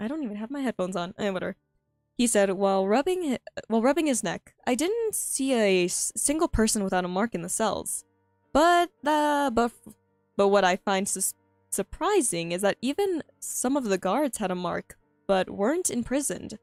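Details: Stuttering in a female streamer who says she stutters a lot and finds reading difficult, heard while reading her own story aloud; this stretch has repeated phrases and fillers.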